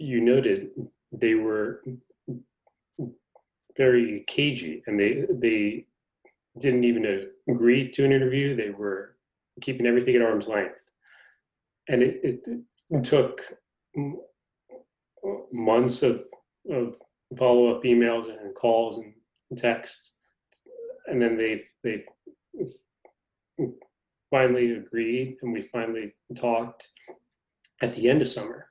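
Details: Adult man who stutters, described by the host as having a pretty good stutter going on; stuttering.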